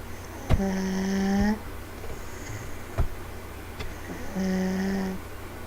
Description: sitting on couch with my two year old and she is fast asleep on me =) Then she starts sawing logs lol!